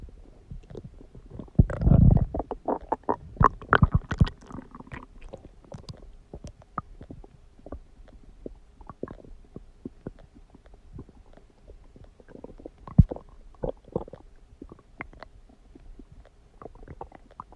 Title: stomach growling noises | My Stomach Makes Noises